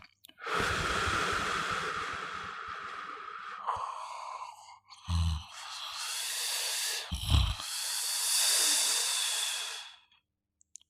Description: This sound is natural snore sound